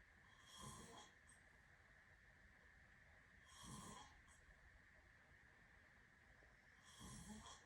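Three soft rattling snores about three seconds apart, roughly 18 a minute, over a steady background hum.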